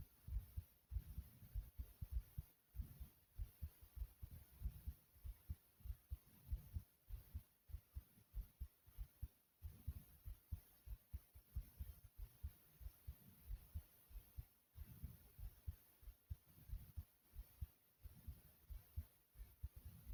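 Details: Own heartbeat, tagged as fast: low, muffled heart thumps at roughly 95 beats a minute with a faint hum behind; heartbeat.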